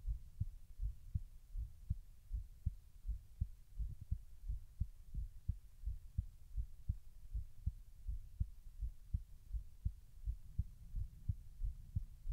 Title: Trying to slow down my heartrate